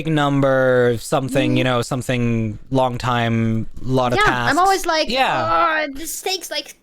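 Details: Adult woman speaking; no speech disorder.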